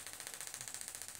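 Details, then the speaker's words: Rapid regular ticking pulses, about ten a second: Gymna Shockmaster 300 radial shockwave, 15 mm convex head, over ultrasound gel, treating trigger points in the right lateral hamstring (biceps femoris), moving across the thigh. "it's a bit of a big move to go across the thigh with the shock wave running so we'll come across here"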